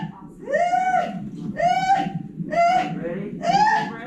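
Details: Four loud, tonal cries, each about a second long with brief gaps, from a newborn girl weighing over 9 pounds just after a fast, natural, unmedicated hospital birth of a fourth baby; newborn cry.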